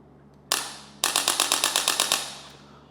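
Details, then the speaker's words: Electric chiropractic adjusting instrument with adjustable power, speed and thrust number, switched on and fired: one sharp snap, then a rapid train of about ten crisp clicks from repeated thrusts, demonstrated in a chiropractic room. "जैसे ये electric adjuster है, मैंने यहाँ पे push किया है। अब मैं इसका पावर ऑन करूँगा यहाँ से,"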